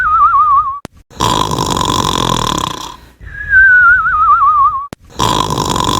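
Cartoon snoring: a wavering whistle on the out-breath alternating with a rasping snore, repeating.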